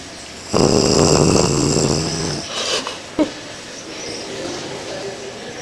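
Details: Dog snoring: one loud, rumbling, rattling breath followed by softer snuffling.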